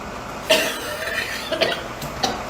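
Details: A girl coughing: three or four short, dry coughs over steady room noise.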